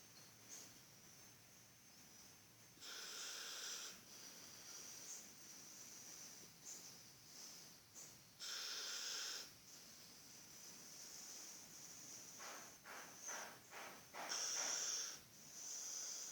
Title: Roncando